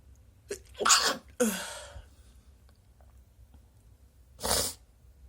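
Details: Induced sneezes: a quick in-breath followed by two explosive sneezes, then a third after a pause; three sneezes in all.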